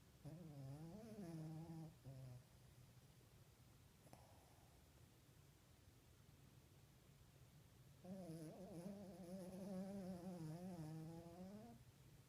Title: Milo snoring